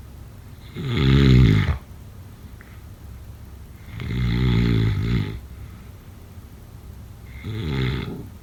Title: Snoring sounds… #6